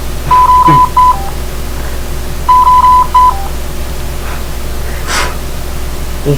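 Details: Drager Evita XL ventilator in CPAP spontaneous mode, demonstration: repeated groups of steady electronic beeps over room noise, an apnea alarm sounding when no breaths are detected.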